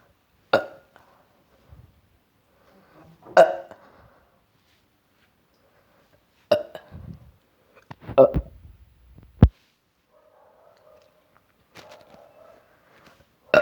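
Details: Nauseated person who vomited after this: several short, abrupt belches with hiccup-like catches, spaced a few seconds apart in a quiet room; burping.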